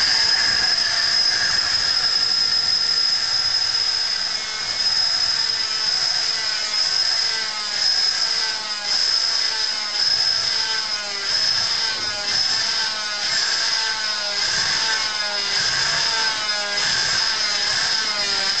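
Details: Oscillating cast cutter cutting part of a set leg cast to remove the foot, subject protected by sock and guard: steady high-pitched motor whine rising and easing with repeated pushes into the cast, background music.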